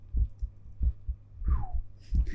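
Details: Adult's own heart heard through a stethoscope whose earpieces feed a 3Dio binaural microphone, ASMR recording: regular low lub-dub double thumps, about 85 to 90 beats a minute, with faint handling noise; normal heart sounds.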